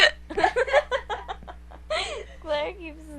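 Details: Woman with hiccups after staying up all night without sleep, third bout that night: chatter and laughter broken by sudden, sharp, involuntary catches in the voice; hiccups.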